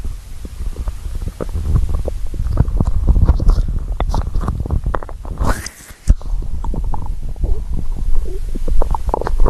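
Low, continuous gurgling and rumbling with bubbly pops; ordinary stomach growling from hunger.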